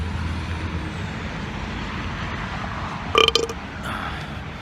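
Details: Brief, deep, croaking burp over steady road and engine noise inside a car, from someone talking about food and ginger ale at night; burping.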